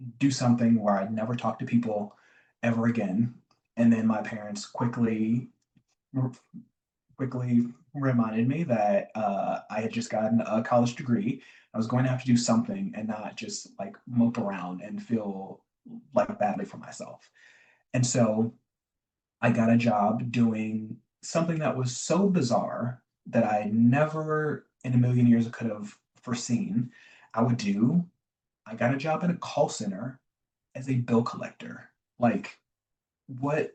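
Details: Adult man, a self-described recovering covert stutterer who still stutters (real, not acted), with word and phrase repetitions and fillers; covert stuttering.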